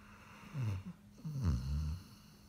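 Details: Sleeping Greater Swiss Mountain Dog snoring: two low, rumbling snores, each a deep rattling breath.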